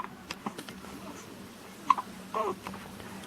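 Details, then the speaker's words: Infant boy in a jumpsuit with recurring hiccups: a few short, abrupt catching sounds over quiet room noise. "hiccups again sir what is going on oh my goodness"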